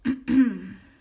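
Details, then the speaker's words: Adult woman with lingering effects of a cold, sounding congested, gives two quick voiced throat-clearing bursts, the second longer and trailing off; throat clearing. "sorry you guys I am dealing with the aftermath or the lingering effects of a cold so if I sound like congested and if you hear me coughing that's why"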